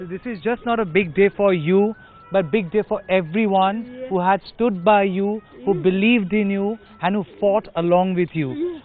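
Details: Adult interviewer; Typical speech.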